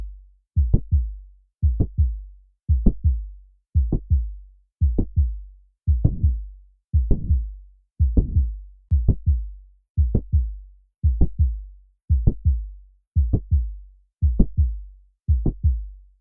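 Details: Mitral valve prolapse: regular heartbeat near 57 a minute with a mid-systolic click and a soft late systolic murmur.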